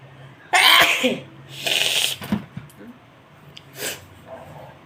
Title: tickling sneezes.